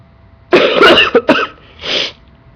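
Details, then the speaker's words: A few harsh coughs in quick succession, then a breathy exhale; an ordinary cough. "Yep, you get to hear me cough and wheeze as I try to, breathe."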